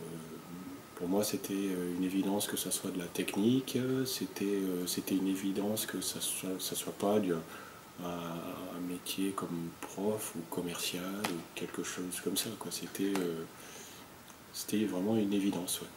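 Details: French-speaking adult with stuttering, real; stuttering.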